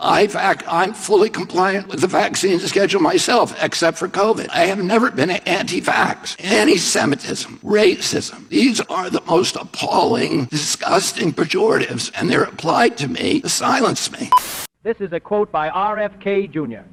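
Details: Male, age 70, with spasmodic dysphonia, a neurological voice disorder beginning at age 42, making the voice tremble, raspy and croaking; spasmodic dysphonia.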